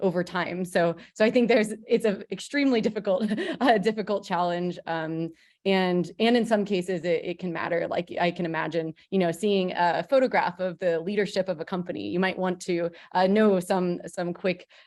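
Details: Adult woman who says she has a stutter, speaking on a panel; stuttering.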